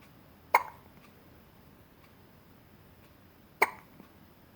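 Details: Two sharp, brief hiccup sounds about three seconds apart in a quiet room; hiccups.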